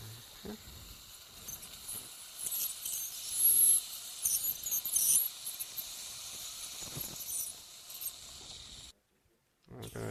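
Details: Ultrasonic piezoelectric bone saw making vertical osteotomy for sinus technique, about 5 mm distal to canine root, light sweeping motion; saw cuts vertically and sagittally; faint high-pitched hissing buzz with irregular surges, low room noise.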